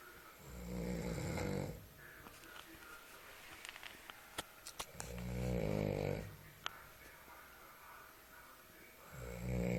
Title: Snoring in the night